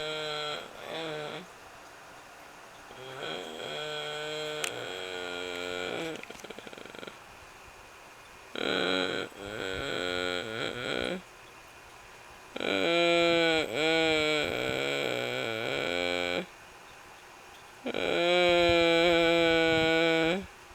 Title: Gracefully...snoring?